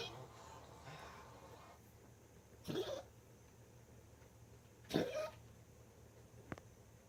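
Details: Dog after tracheal ring surgery with constant coughing while exhaling: two short harsh coughs a few seconds apart in a quiet room; persistent post-surgical cough.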